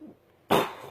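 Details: Adult with Tourette syndrome for 40-plus years: a single abrupt cough-like throat-clearing burst after a quiet pause, a simple vocal tic.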